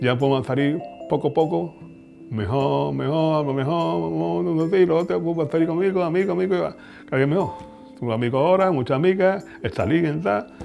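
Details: Aphasia in a woman after a brain injury at age 33, initially unable to speak, read or write; repetitions and distorted words heard.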